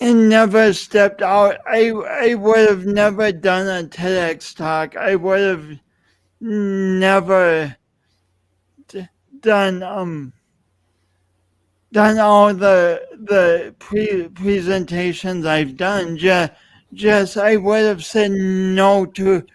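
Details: Adult speaker; speech impediment (disfluent speech).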